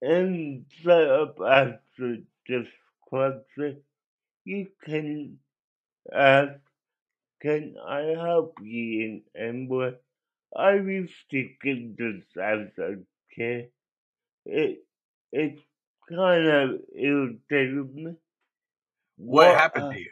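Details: Adult male with cerebral palsy that he believes was likely caused by an overdose of a particular drug and that affected his voice; dysarthria (cerebral palsy).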